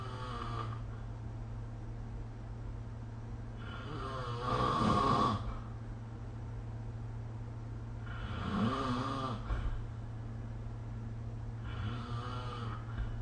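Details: Rough, fluttering snores on inhaling, about three in 13 seconds, over steady low room hum, recorded with the SnoreLab app: ordinary sleep snoring.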